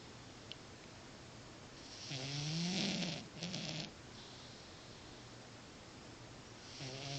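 Soft, buzzy snoring from a sleeping cat: two or three rumbling breaths over steady background hum.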